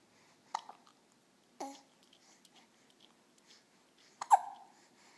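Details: 6-week-old baby boy with hiccups: three sharp, abrupt little catches in the breath, with quiet breathing between; ordinary infant hiccups.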